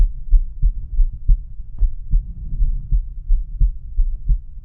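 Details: Adult male's own heart auscultated with the stethoscope diaphragm across the aortic, pulmonic, Erb's point, tricuspid and mitral/apex areas; normal heart sounds.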